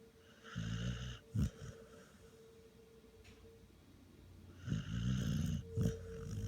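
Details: Low, rumbling snores in two bursts with short snorts, over faint background noise; snoring.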